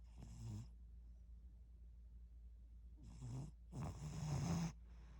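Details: Three low, rattling snore sounds from a tabby cat, each a short noisy breath with quiet pauses between; owner thinks the cat may be awake: snoring.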